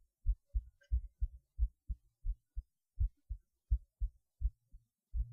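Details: Heartbeat recorded through a cheap acoustic stethoscope: clear paired lub-dub sounds at roughly 88 beats a minute; normal heart sounds.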